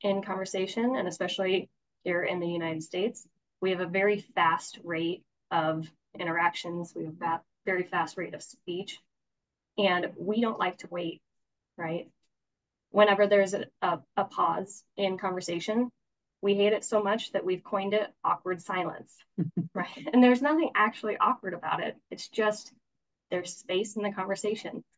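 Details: Adult woman speaking; normal fluent speech.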